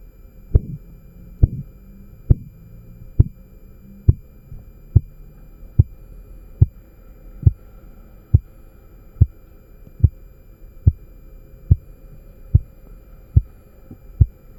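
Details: Korotkoff sounds recorded with a MAX9814 microphone amplifier: regular sharp tapping thumps at about 72 a minute as the blood pressure cuff deflates.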